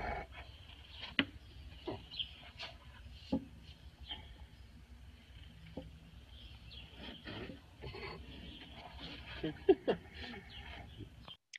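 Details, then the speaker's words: Snoring of Louise, a rhinoceros at a zoo, napping after an encounter: low rumbling breathing noises with intermittent scraping sounds, recorded on a phone. "this um was a little video clip i got on my phone of louise snoring um so after an encounter she decided to lay down and take a nap"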